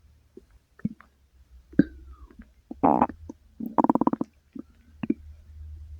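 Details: Person's own stomach growling recorded in a quiet room: gurgling, bubbling rumbles and short rattling bursts; ordinary bowel sounds, borborygmi.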